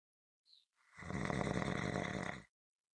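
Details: From a recording of consistent rhythmic snoring: one long, rough, rattling snore on a breath in, after a short faint sound; ordinary snoring.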